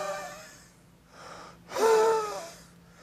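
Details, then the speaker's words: A demonstrator imitates an asthmatic wheeze: a musical, whistling expiratory sound heard through all of expiration, not just the first third. "an accentuation of the expiration we don't just hear the first third of expiration we hear all of expiration when there's a wheeze when the person has asthma"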